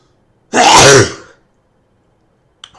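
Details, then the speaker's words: A single loud, explosive, somewhat wet sneeze, then quiet. It was deliberately induced during a cold by a person with a very sensitive nose. "that was kind of wet. Oh gosh. Let's try another one."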